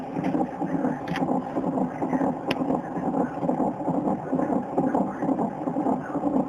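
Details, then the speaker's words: Fetal heartbeat on a Doppler monitor before a birth: fast, rhythmic whooshing pulses at about 133 a minute. "The most exciting part for me was getting to see and hear the baby's heartbeat. The baby's heart right here."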